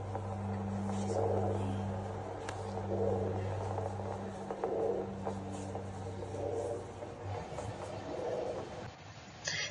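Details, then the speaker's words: Regular soft whooshing Doppler heart pulses, about 34 a minute, from a hawksbill sea turtle recovering from anesthesia, intubated, heart rate counted with a watch; Doppler heartbeat of a slow-metabolism reptile. "but you saw that how we put the Doppler and how we're listening to the heart"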